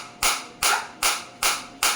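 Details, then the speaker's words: Focused (not radial) shockwave therapy device firing sharp, regular snapping pulses about 2.5 per second against the operator's own hand, intensity raised from 5 to around 8–10 (max 15), felt deep into tissue down to bone. "देखो बिल्कुल focus shock wave आ रही है 5 उसकी मेरे हाथ में, मेरे को फील हो रही है।"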